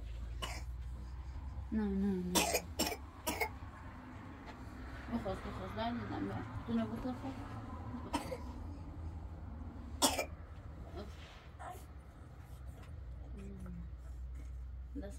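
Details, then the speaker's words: Nomadic woman living in the mountains with a severe, ongoing cough, drinking water to see if it eases: several harsh coughs with throat clearing over a steady low outdoor rumble; persistent cough. "تا اب بخورم ببینم سرفه کردنم بهتر نمیشود مدام دارم سرفه میکنم"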